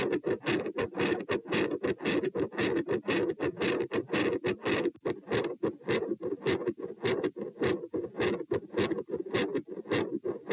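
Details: Heart sounds recorded standing at position P, same subject in a comparison study: rapid, rough scratchy sounds with noise filling much of each cycle; murmur varying from very loud to quiet, none to continuous, no dominant pattern.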